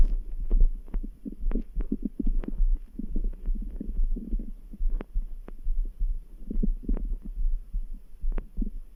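Irregular low gurgles, bubbling pops and clicks over a steady soft thumping heartbeat with a faint background hum: ordinary stomach rumbling (borborygmi).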